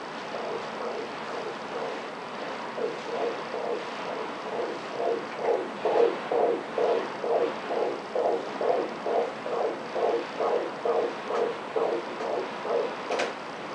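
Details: Fetal blood flow on colour Doppler ultrasound at 35 weeks of pregnancy, probe near an artery in the fetal head, estimated fetal weight 2,490 g: rhythmic whooshing pulses at about 130 per minute, normal.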